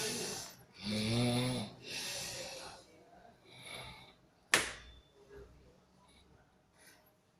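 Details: Heavy snoring during sleep, likened to a water buffalo: loud rattling snores on breathing in, followed by a sharp snort and quieter breaths.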